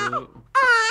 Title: 21032012041 baby crying .mp4